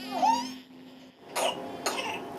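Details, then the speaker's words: Strained, high-pitched gasp then two harsh coughs from a baby girl with whooping cough (pertussis); she needed a feeding tube as she couldn't hold her breath to swallow, and coughing lasted 6 weeks. "This Mayo Clinic video is a baby with whooping cough. A feeding tube is needed because she could not hold her breath long enough to swallow. The coughing lasted 6 weeks."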